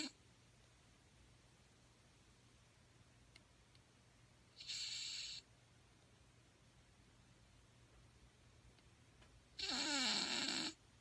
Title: Shihtzu puppy snoring while asleep